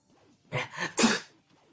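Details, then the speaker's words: Simulated sneeze, one of several acted sneeze types in a comedy sketch by a man who had a cough and cold: a short breathy build-up followed by a sharp burst of air. "I was suffering with cough and cold and every time I sneezed it was always a different type of sneeze. Thus, I came up with the idea of different types of sneezes."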